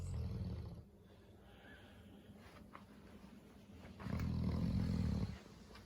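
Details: Snoring while resting after eating, consistent with a dog: two loud, low rumbling breaths separated by a quieter stretch.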